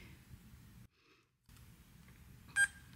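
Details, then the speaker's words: Veterinary handheld pulse oximeter for dogs and cats switched on with no sensor plugged in: a short click, then one bright electronic beep, the power-on "SpO2 sensor off" alert. "we've got an alert straight away spo2 sensor off that is because I don't actually have it plugged in yet"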